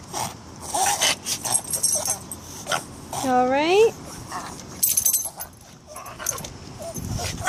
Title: Tysons Reverse Sneeze